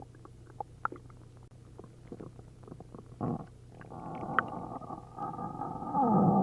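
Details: Faint clicks then rising liquid gurgling and bubbling rumbles through the gut after drinking a liter of milk and a liter of prune juice; loud hyperactive bowel sounds of an upset stomach.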